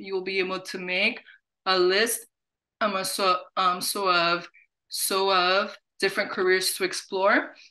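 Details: Adult who stutters, hosting a National Stuttering Association webinar on careers; word and phrase repetitions are audible; stuttering.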